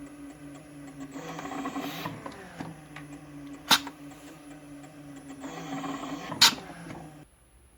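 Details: Homemade emergency bag-valve-mask ventilator built for COVID-19, not medically certified, run very slowly for balloon volume testing (about 360 mL per breath): slow motor whirring with a sharp click about every three seconds.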